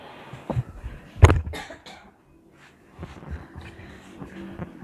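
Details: A single sharp cough over background music, room noise and faint talk, from a person who has trouble sitting for long and coughs often, during a bone-cracking (manual manipulation) session; cough.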